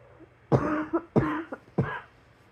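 Three short harsh coughs about half a second apart, in a quiet room.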